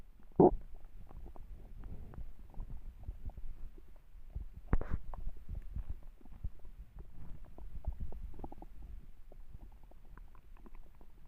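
Soft, low gurgling rumbles come and go over about eleven seconds, a hungry stomach growling, a normal sound of gut movement.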